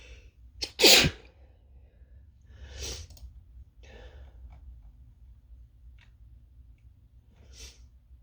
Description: Think I'm coming down with something :( Sit with me as I have a drawn out fit of singles while I work from home.